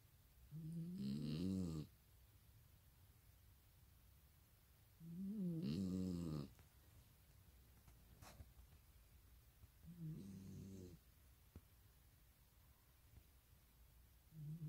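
A sleeping dog gives slow, droning, throaty snores about every four to five seconds, roughly 13 a minute, in a quiet room.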